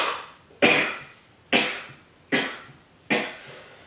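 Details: Man sneezing fit: four sharp, explosive sneezes in rapid succession, each with a hissing tail; he always sneezes at least three times in a row, record twelve.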